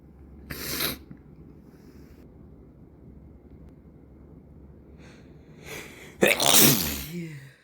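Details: Sneezes caught in the evening from a nose irritated and rubbed red for days: several sneezes, some stifled and breathy, ending in a forceful full sneeze, from a stuffy nose.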